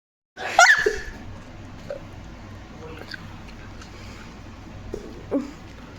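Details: An adult man (a dad) sneezing as loudly as he can: one very loud, forceful sneeze, then quiet room noise and faint movement.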